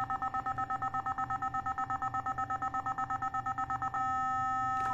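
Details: Nihon Kohden TEC-5631 defibrillator during a basic check, with a defibrillation check error from low power output (delivers 228 at the 270 setting): rapid beeping about three a second while charging, then a steady continuous ready tone.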